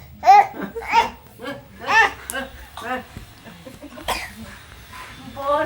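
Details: Upset child whines and shouts angrily in short bursts, broken by a couple of sharp, harsh coughs: coughing.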